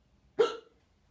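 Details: A single short, sharp, voiced hiccup, acted for comedy, from a man said to have had hiccups for a few hours.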